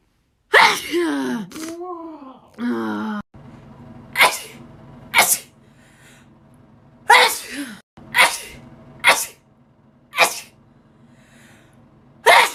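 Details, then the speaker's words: Woman's rapid sneezes, compilation: a fast series of about seven sharp sneezes, with a few short vocal sounds early on. "the need to sneeze is real i hate sneezing i hate it right now"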